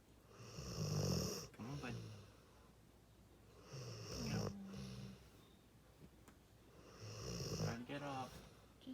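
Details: Sleepy Pitbull/Mastiff snoring with his eyes open, said to be just how he breathes: rhythmic low rumbling snores, about 18 a minute, with a short whistly note as each breath ends.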